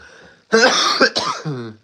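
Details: Adult who says he is still sick, with a common cold: a single harsh cough with a throat-clearing quality, then a brief voiced tail.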